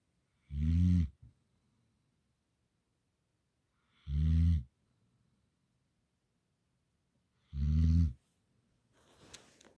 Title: Snoring Gampr Dog